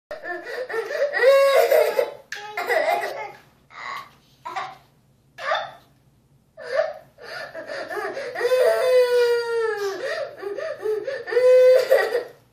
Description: was being a bully so his little brother hit him..